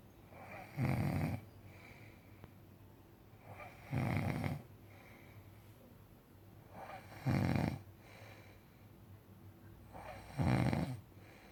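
Loud, deep snores on each breath in, with quieter breaths out, about 19 breaths a minute, fairly regular.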